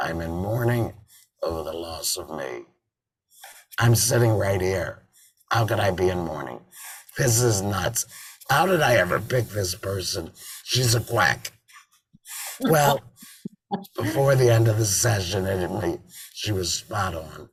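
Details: Tracheoesophageal speech from an adult man after total laryngectomy in February 2019, with a tracheoesophageal voice prosthesis (TEP) fitted in September 2019; he sometimes also uses an electrolarynx.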